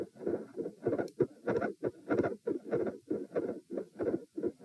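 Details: Heart auscultation at position M during a stress test, recorded sitting, standing, then lying (90, 108, 72 bpm), with electrical disturbance: regular beat near 95 a minute with soft sounds between beats; split S2 and mid-systolic murmur.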